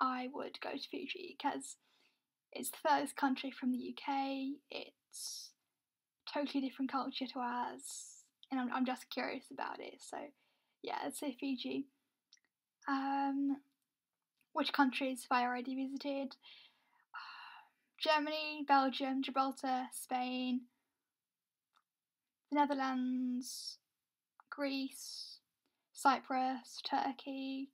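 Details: Young adult woman from the UK with a self-reported stammer, saying it can take a while to get words out; stuttering (stammer).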